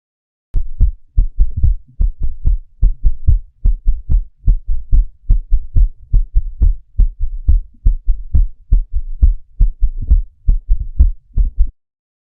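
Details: Regular low heartbeat near 70 a minute with a soft extra sound in late diastole just before S1, after atrial contraction; S4 atrial gallop ("Tennessee" cadence), linked to a stiff or hypertrophic ventricle.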